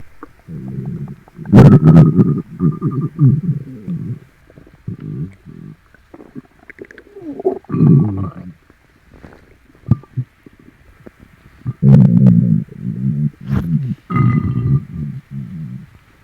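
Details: Loud, gurgling, rumbling growls in long irregular bursts, with rubbing noise as the painful, upset tummy is stroked clockwise; person suspects something eaten; active bowel sounds.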